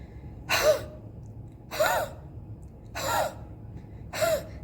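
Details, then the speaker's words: Four forceful, breathy, open-mouthed exhalations, about one a second, with no cough sound. A physiotherapist demonstrates huffing, a forced expiration exercise for post-COVID recovery to help clear lung secretions. "exercise will help you to clear the lung secretions. If you have cough, this exercise will help you."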